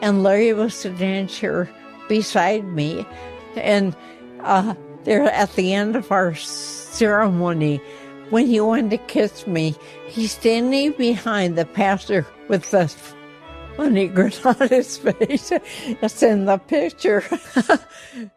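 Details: 84-year-old woman with progressive, incurable ataxia affecting her motor skills and voice; first signs in her 60s, with speech problems only in the last couple of years; ataxic dysarthria.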